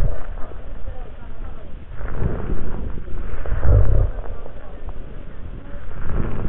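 Breath sounds with low, rumbling continuous rhonchi and fine, crisp crackles on auscultation.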